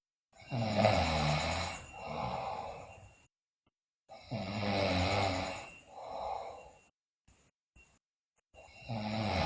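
Loud, rough snores on each in-breath with softer out-breaths, about 15 breaths a minute, with brief pauses between cycles; heavy snoring during sleep.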